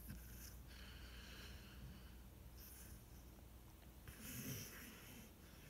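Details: A coonhound sleeping and dreaming on a couch in the morning: soft, irregular nasal snorts and rough breathing over quiet room noise; snoring and snorting during sleep.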